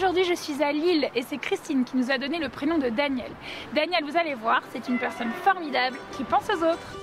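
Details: Adult female speaker; no speech disorder.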